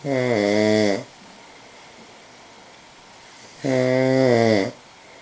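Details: Man snoring: two loud, buzzing, tonal snores about three seconds apart with quiet pauses between them; regular snoring.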